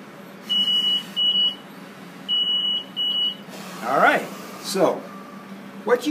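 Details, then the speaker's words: Respironics BiPAP Visions demonstration on the demonstrator through a mask with filter: short electronic beeps, then airflow bursts as set IPAP is delivered on breathing in and constant EPAP/PEEP on breathing out; BiPAP ventilator cycling during non-invasive ventilation. "see there is that I during inspiration I was getting the pressure the IPA pressure set on the ventilator and it's maintaining a constant epap or peep pressure during exhalation all right so it's cycling back and forth"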